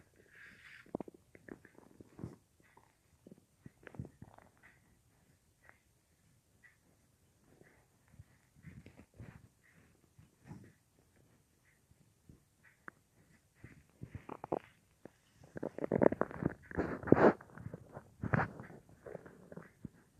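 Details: At night, about an hour after soup with little else eaten that day; mic pressed against belly; irregular gurgles and rumbles, louder toward the end; normal bowel sounds of digestion.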